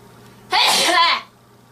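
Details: A single loud, sudden, voiced sneeze lasting under a second over quiet room hum; sneeze.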